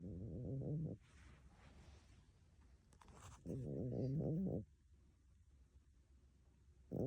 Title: My cat ￼ snoring like a human 🤪😂❤️❤️🤪🤪